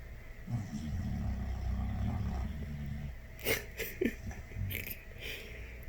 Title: My dog kiing snoring. Yes he's asleep.